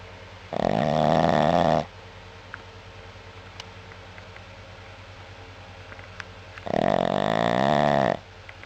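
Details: Pet dog sleeping; two loud, vibrating snores a few seconds apart with a fluttering, rattling tone over quiet room noise; snoring.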